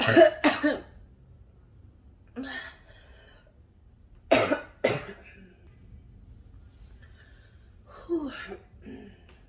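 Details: Cough linked to smoking: repeated harsh coughs in small bursts, about six in all, with throat clearing between them.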